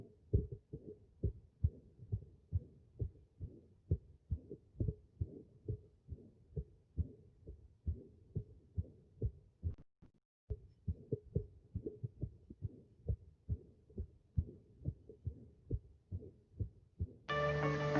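Steady heartbeats with a low, rumbling murmur between beats, the diastolic murmur of mitral stenosis; a brief tone cuts in at the end.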